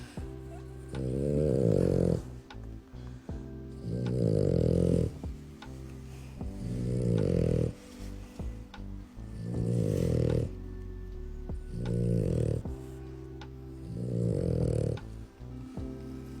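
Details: Black merle French Bulldog: six loud, low, rattling snores about every 2.5 seconds, roughly 23 breaths a minute, steady, with faint background music; snoring.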